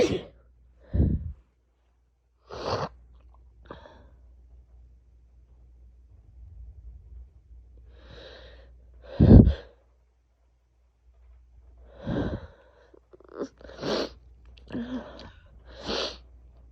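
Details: Person with a cold, after long stifling sneezes: several abrupt, explosive sneezes with quick breaths between and quiet pauses; repeated forceful sneezing.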